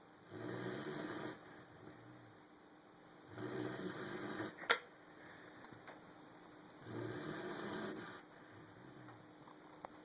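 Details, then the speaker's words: Snoring from a German Shepherd puppy, who snores a lot: soft, rasping snores on each breath at about 18 a minute, with a faint room hum and occasional clicks. "Jax. What are you doing? You snoring?"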